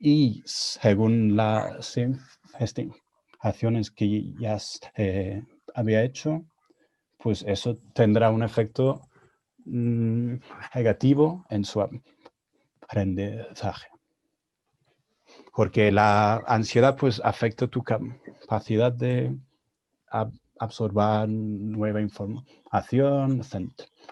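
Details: Stuttering in an adult man, speaking Spanish, a second language he learned after moving to Spain at 22; he reports his stuttering was more severe in Spanish.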